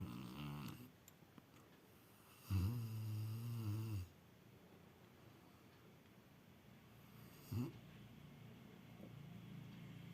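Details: Sleeping Rottweiler snoring beside its owner: one long, deep, rattling snore on the in-breath, then a brief snort, with quiet room noise between.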